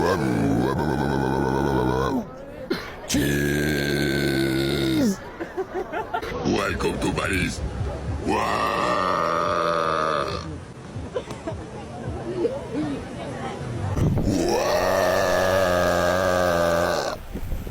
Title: Burping loud in the streets of Paris